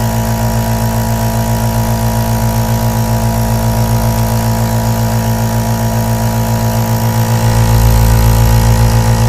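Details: Continuous low, droning motor hum with a steady, fast pulsing from a running aerosol nebulizer compressor.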